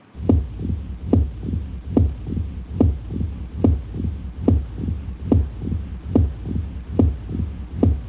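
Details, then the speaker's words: Opening snap heard at the fifth intercostal space, midclavicular line: regular heartbeat about 70/min with loud, sharp S1, then S2 closely followed by a crisp, discrete extra click; loud S1 with opening snap. "That is an opening snap. So S1, S2 and a discrete sound जो थोड़ी देर के लिए आती है."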